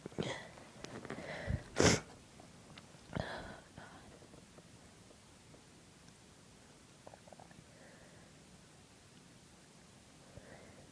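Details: A few brief, muffled sneezes with short in-breaths before them, held back to keep them quiet, then silence with faint room noise; stifled sneezes.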